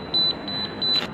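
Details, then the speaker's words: Propex Pixi apex locator giving a high steady beeping as a size 15 file in an upper right first molar reaches the 0.5 reading, marking the apical constriction and correct working length. "it will push until it will come 0.5 measurement of 0.5 0.5 denotes the file is just in the apical constricted"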